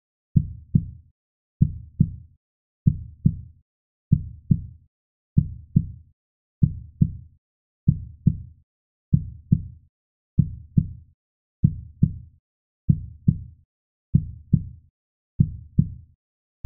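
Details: Steady paired low lub-dub thumps at about 48 beats a minute, a sound-effect recording of a normal heartbeat.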